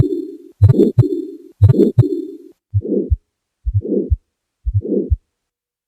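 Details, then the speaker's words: Aortic stenosis murmur, best heard at right second intercostal space down to apex, radiating along carotids; heartbeat near 60/min with harsh, scraping, medium-frequency crescendo-decrescendo mid-systolic murmur. "шум аортального стеноза лучше всего слышен в области второго межреберья справа от грудины вниз до верхушки сердца по звуковым характеристикам он ста ещ убывающий мезо систолический среднечастотный грубый скребущий иррадиирует по ходу сонных"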